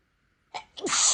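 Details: A quick sharp in-breath, then one loud explosive sneeze, deliberately induced by someone without allergies whose nose seemed sensitive after spicy food; an ordinary sneeze.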